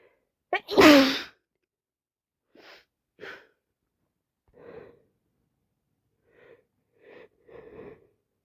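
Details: Person with a severe common cold sneezing, recorded in real time: one loud, wet, explosive sneeze, then softer sniffs and breaths.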